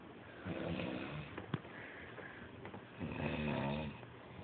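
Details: Loud snoring: two loud, low, rumbling snores with faint room noise between them.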